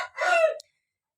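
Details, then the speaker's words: A single rough, rattling snoring breath from a Bangkok rooster with ngorok respiratory disease, which the owner attributes to the weather; the bird is still eating well. "Yo ini Suaranya. baru ini baru posisinya baru ngorok ini."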